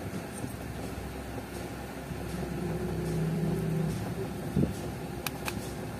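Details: A 61-year-old takes a repeat reading on the right arm with a digital automatic blood pressure monitor. The cuff pump buzzes steadily as it inflates, then a short beep; the result was 113/74 with a fast pulse of 99.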